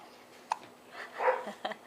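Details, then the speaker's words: Dog with hiccups in the morning: two sharp, abrupt gulping clicks about a second apart. "good morning good morning here you have the hiccups hey buddy"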